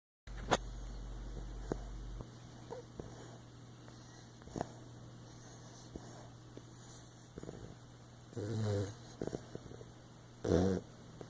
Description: Lab puppy snoring